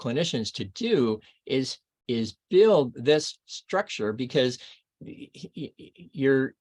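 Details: Archival recording of an adult man reading aloud within two years of a left-hemisphere stroke in Broca's area; expressive aphasia with paraphasias and poor reading ability.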